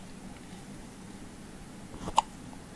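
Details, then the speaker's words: Day-old newborn's first hiccups, parent suggests after too much breast milk: a single short, sharp hiccup against quiet room noise. "hours you're a day old now how does it feel first day on Earth and you got hiccups Mommy gave you too much booby milk got you hiccuping huh sweetie"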